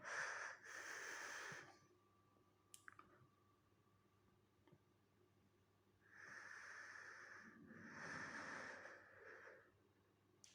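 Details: Loud, hissing breaths close to the microphone with a brief monitor tone between them during a practical capnography (EtCO2) demonstration, EtCO2 reading 38; ordinary breathing.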